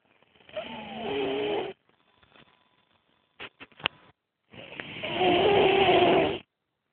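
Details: Male snoring unusually while napping: two long, loud, buzzy snores with a whistling pitch, separated by a quiet pause with brief clicks.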